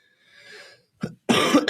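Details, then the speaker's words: Adult man, who says he is getting a little sick, gives a faint throaty rumble then a short sharp burst and one loud, forceful cough during a live stream; ordinary cough. "Yeah, I think everybody's getting a little sick. I'm not the only one reaching out to a couple other people. You can hear it in my voice, right?"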